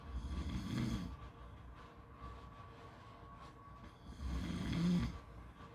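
Two slow, low rumbling snores with a quiet pause between them, over faint steady background noise; ordinary snoring.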